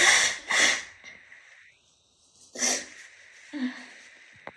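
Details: Repeated forceful sneezing bout with sniffles: two quick forceful sneezes, a pause, a third sneeze, then a short sniffle; sneezing.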